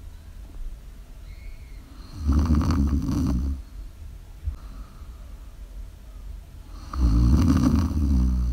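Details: Snoring during sleep, live recording: two loud, rough, low snores on the in-breath separated by quieter breathing, against soft room noise.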